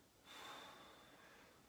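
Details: Normal breathing from a patient during a lung and thorax exam, just before stethoscope auscultation: a single soft, airy breath in and out in a quiet room, without wheeze or rattle.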